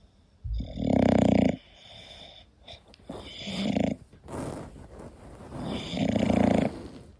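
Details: Sleeping English bulldog: three loud, rattling, tonal snores on breathing in, with quieter snorting breaths between them.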